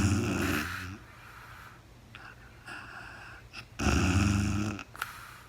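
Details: Real-time overnight recording of a very tired sleeping woman: two loud, low, rattling inspiratory snores about three seconds apart, with quiet breathing between; snoring during sleep.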